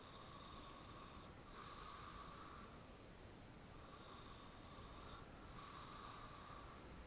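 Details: Soft, hissing snoring breaths, about two cycles in seven seconds, against a steady background hiss; snoring.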